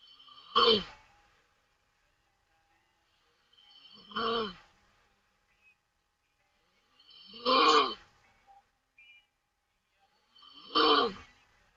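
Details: Taiwanese woman snoring loudly with her mouth open while asleep during a livestream: four loud, rough breathing noises about every 3.5 seconds, about 18 breaths a minute.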